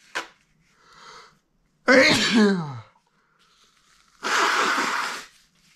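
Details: Adult male with pollen allergy, allergy season: a quick breath in, then two desperately powerful, forceful sneezes, typical of hay fever (allergic rhinitis).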